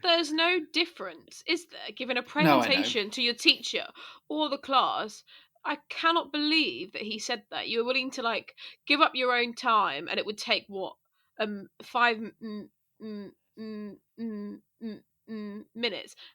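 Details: Person who stammers, speaking as a podcast host; stammering.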